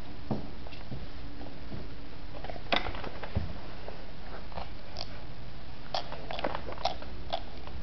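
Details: Teeth grinding (bruxism) in a teething infant: faint, scattered scraping clicks against a quiet room hum.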